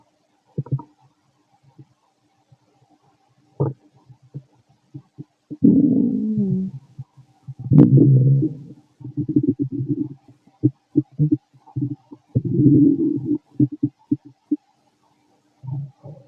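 Loud, frequent gurgling and rumbling bursts with short squeaky runs: active bowel sounds of normal digestion.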